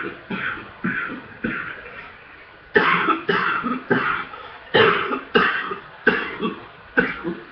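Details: Coughing fit in a person with a full, congested chest: about eleven hard, harsh coughs in quick bursts, a chest congestion cough.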